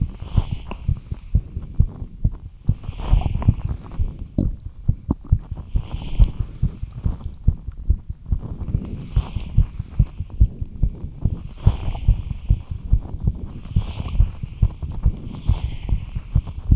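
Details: Rapid, regular low heart thumps about 140 a minute with a steady hum behind; fast heartbeat after light exercise.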